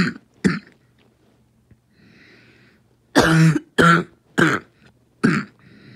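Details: Asthmatic coughing fit: repeated coughing from asthma, described as a choking coughing fit.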